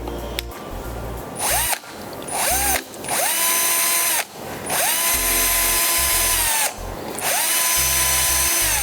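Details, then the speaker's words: Surgical drilling of a humerus sawbone through a drill guide (eccentric drilling) in a simulated dynamic compression plating demonstration: high-pitched drill whine in bursts, pitch dropping as the bit bites. "So when both the cortices are drilled, I will get a loss of resistance."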